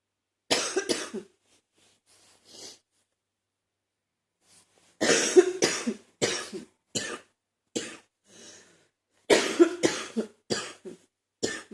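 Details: Repeated harsh clusters of chesty, wet-sounding adult cough working to clear mucus from the chest, a cough the person says they rarely get; productive (wet) cough.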